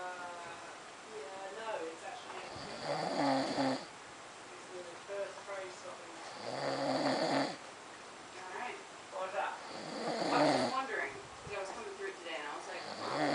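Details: Three loud, rough inhaled snores from a sleeping adult man at a steady pace of about 16 breaths a minute.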